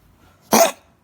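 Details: A single short, harsh, honking cough burst from a dog, with quiet before and after; the owner wonders what it ate; cough.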